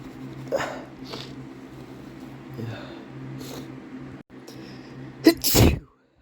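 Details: Adult male's sneezes induced with chhinkni, clips from several sessions: several short nasal sneeze-like bursts over background noise, ending in one loud full sneeze.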